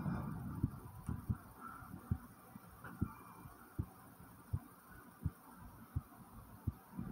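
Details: Own heartbeat recorded after 10 jumping jacks: steady, regular beat at about 80 a minute with faint breathing in the background; heartbeat after exercise.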